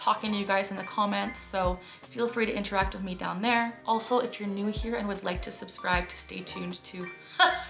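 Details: Involuntary vocal tics interrupting speech in an adult woman with Tourette syndrome; most of her vocal tics stem from echolalia.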